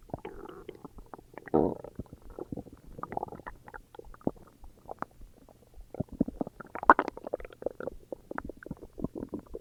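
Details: Self-recorded stomach growls: bubbly gurgles and squelching bowel sounds recurring throughout; ordinary borborygmi.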